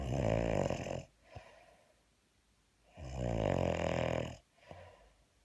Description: When you wake up and your boyfriend snores like a hummingbird.